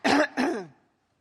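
Two quick, rough bursts clearing the throat, the second one trailing off. A plain throat clear or small cough.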